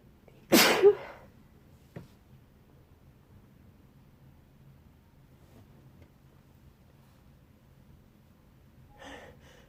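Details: Sneezing in bed after waking with a nose tickle, during a wet sneezing fit: a single loud, forceful sneeze, then quiet breathing and a faint sound later in a quiet room.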